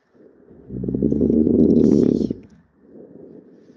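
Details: Tracheal sound recording of inspiratory snoring: loud buzzing snore on inhalation, then a quieter exhalation with faint low heart sounds near its end.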